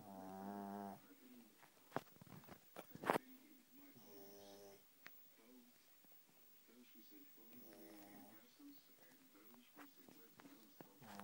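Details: Shih Tzu dog snoring while asleep: nasal, whistling snores with some snorts and clicks between breaths in a quiet room.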